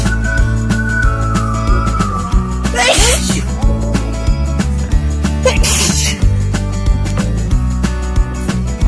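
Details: Girl sneezing: two sharp, hissing sneezes over loud background music.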